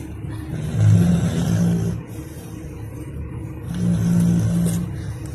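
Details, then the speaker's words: Two long, loud, low rumbling snores about three seconds apart, coarse and vibrating, in a quiet room at night from someone sleeping deeply under a bed; snoring. "আপনি নাক ডাকার আওয়াজটা শুনুন, ঘস ঘস করে নাক ডাকছে, কোনো যে হুঁশ নেই ওর।"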